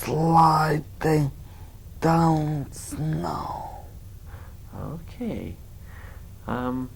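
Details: Male patient with bilateral upper motor neuron disease, expressive language intact, reading a paragraph aloud during a neurologic exam; low-pitched, strained, harsh speech at a slow, deliberate rate; spastic dysarthria.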